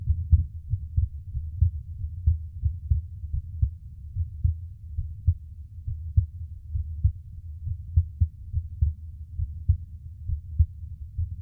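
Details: ASMR recording of the person's own heartbeat: steady, soft low thumps in a regular rhythm, about 70 beats a minute; a normal resting heartbeat.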